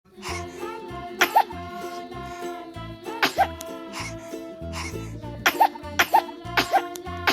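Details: Baby girl, tagged both six months and 1.5 years old, with an infantile hemangioma tag: repeated short, sharp infant sneezes over loud children's music.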